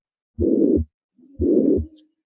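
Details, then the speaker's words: Harvey cardiopulmonary patient simulator: systolic murmur timed with the carotid impulse that grows louder on inspiration (inspiratory augmentation), a right-sided sign of tricuspid regurgitation. "so it's a systolic murmur and if you watch the breathing again again it gets louder out it gets softer and louder so inspiratory augmentation this is tricuspid regurgitation that inspiratory change a sign that this is right-sided in origin"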